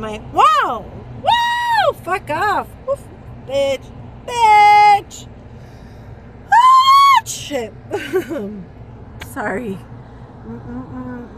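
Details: Woman with Tourette syndrome during a tic attack, repeating words and interjections and reporting trouble speaking; vocal tics.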